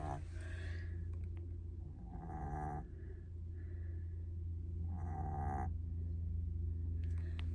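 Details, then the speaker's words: Snoring from a male sleeper heard in a campervan. "Oh, and now you can hear him snoring."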